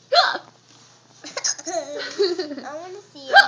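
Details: Young child with hiccups: sharp voiced hiccup bursts at the start and end, with laughing and vocal sounds between them.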